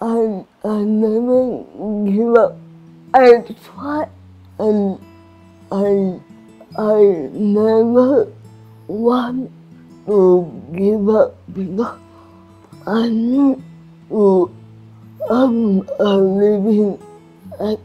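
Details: Adult woman with cerebral palsy and restricted movements; slurred speech; dysarthria (cerebral palsy).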